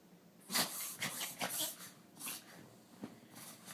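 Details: Dog in a small room with several sharp, hissy nasal bursts in quick succession; owner afterwards calls it a "little seizure thing"; sneezing.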